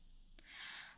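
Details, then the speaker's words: Sleeping pet snoring: a faint click, then one rough, hissing breath through the nose and throat against quiet room hum. "you can hear May is snoring she's like I don't know what you're doing but like she's not missing out on sleep"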